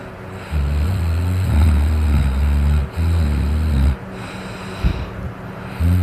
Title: Me Drunk snoring